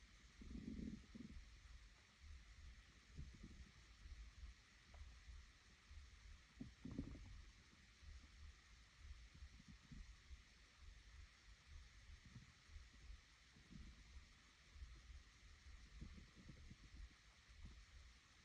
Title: Hungry Stomach growling 2